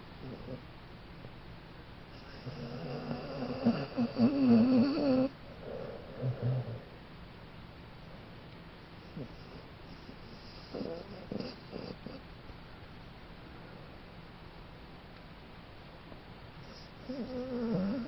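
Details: Sleeping dog snoring unusually loudly after a big day, in loud, rumbling bursts separated by quieter stretches of breathing; owner has never heard him snore like this before.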